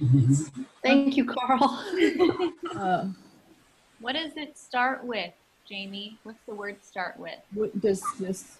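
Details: Adult woman, group leader; Normal speech.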